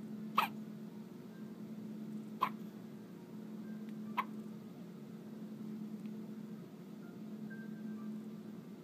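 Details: A baby, 3 lb 12 oz, hiccupping in her crib: three sharp, brief infant hiccups about two seconds apart over a steady low room hum.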